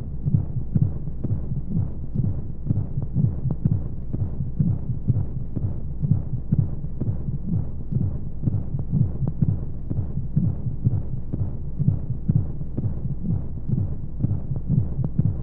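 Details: Baby sleep aid womb sound: steady muffled low heartbeat thumps at about 120 per minute under a soft whooshing white-noise hum, as heard from inside the womb.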